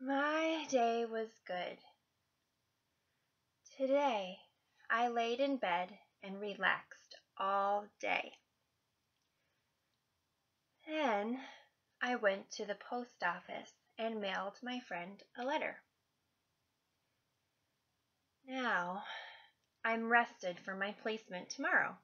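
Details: Demonstration of fluency shaping stuttering therapy in the transition stage, used in everyday conversation outside therapy: full breath, gentle easy onset of voicing and light articulatory contacts.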